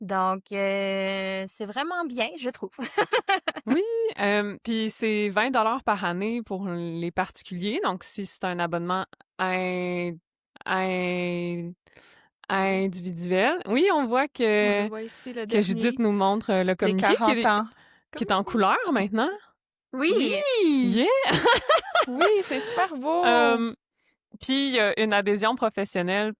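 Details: Adult woman who stutters, a speech-language pathologist and doctoral candidate in speech-language pathology; stuttering.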